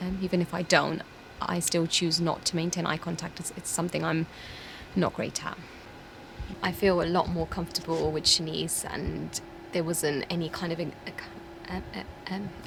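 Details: 24-year-old woman with a lifelong stutter of unknown cause, with silent blocks and repetitions; stuttering.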